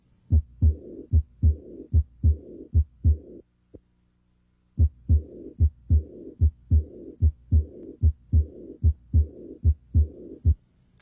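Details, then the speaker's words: Illustrative heart recording played to show how the high-pitched diastolic murmur of aortic regurgitation would sound: regular heartbeat near 74 a minute, each beat followed by a soft blowing murmur filling diastole. "the high-pitched diastolic murmur of aortic regurgitation if the patient had this murmur it would sound like this"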